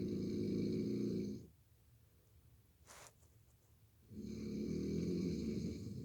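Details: Loud, buzzing snore on each breath in, separated by a quiet pause: typical snoring.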